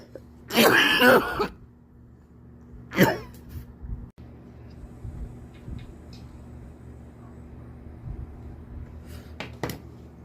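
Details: Loud, harsh adult cough followed about two seconds later by a shorter second cough, over steady low room hum with faint sharp sounds near the end.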